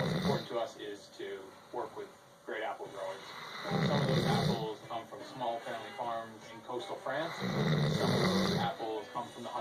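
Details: Rhythmic rumbling, fluttering snores on each breath with quieter snuffling between; snoring during sleep.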